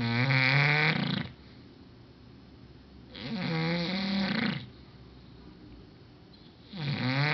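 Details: English Bulldog snoring very loudly: long, buzzing snores with each breath, about 18 breaths a minute.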